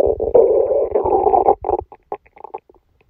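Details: Bowel sounds (stomach rumbling) during a stomachache after Christmas dinner, recorded while sleeping: bubbling gurgling rumble under two seconds, then scattered faint pops fading out.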